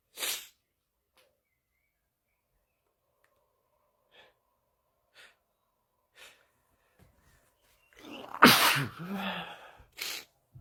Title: male tiktok sneeze 12